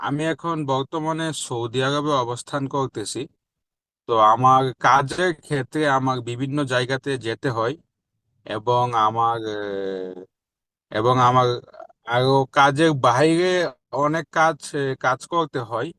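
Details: Adult man with stammering since early childhood, speaking after a 3-month stammering therapy course; reports improvement but some remaining difficulty in hard situations; stuttering.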